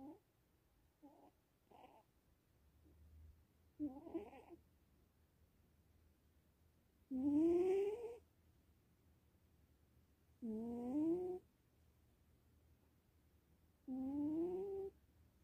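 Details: Soft, squeaky, rising snores with each breath of a sleeping cat, a few short faint ones then three longer ones; harmless sleep snoring.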